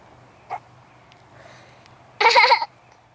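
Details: A young girl who denies having hiccups gives a brief, abrupt catch in her breath, then a louder, longer voiced burst against a quiet room hum: hiccups.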